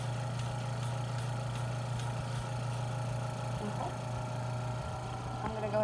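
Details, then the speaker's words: Steady low suction-machine hum with faint shifting tones during tracheostomy suctioning: catheter inserted four to five inches, with intermittent suction applied while swirling it on the way out. "i'm going to insert it four to five inches and i'm gonna intermediate intermittent suction on the way out swirling around"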